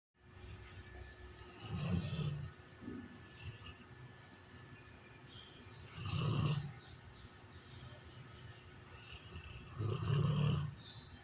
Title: My pets Eevee, Biden snoring!! 🎶🤣🤣🤣🤣